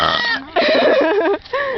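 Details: A person burping: three loud, long, voiced burps in quick succession with a wavering, croaking pitch.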